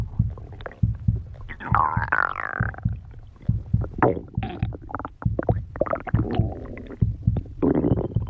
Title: stomach growling 3